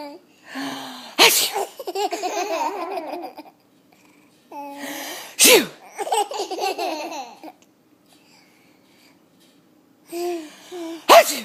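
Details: Three sharp sneezes, each followed by a baby's bright laughter; sneezing.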